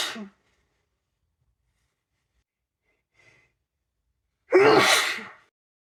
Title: a week of my cold... (f) sneezing and nose blowing compilation